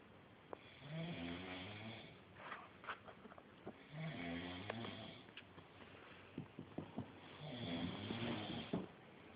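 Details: Rhythmic low rattling snores in three cycles, with soft clicks and snorts between them; snoring during sleep.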